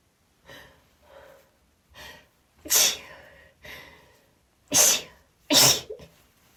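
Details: Rapid sneezing fit, about seven sneezes in quick succession, later ones louder and sharper, with gasping, brief breaths and false starts between, after first trying chhinkni; sneezing.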